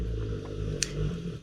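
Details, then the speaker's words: Low, steady rumbling snore from a sleeping dog, heard faintly with a brief click in the room; snoring. "oh I'm very very sorry about that noise that was my dog snoring again"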